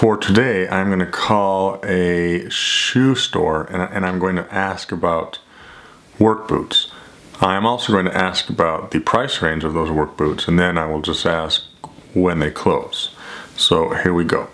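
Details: Adult man who stutters, speaking about a planned real phone call to a shoe store as part of a daily speaking project; finding: stuttering.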